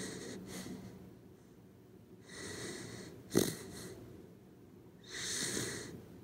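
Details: Sleeping corgi dog snoring: soft, hissing, whistly snoring breaths every few seconds with one sharp snort in between; ordinary sleep snoring.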